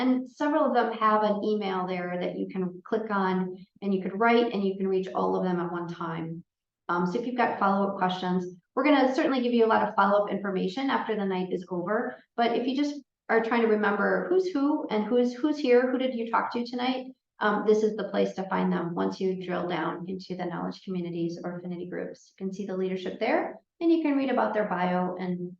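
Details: Adult woman speaking; ordinary speech.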